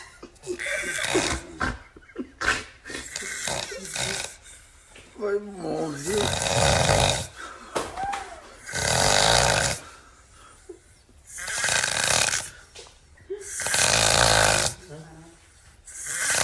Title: Bizarre Snoring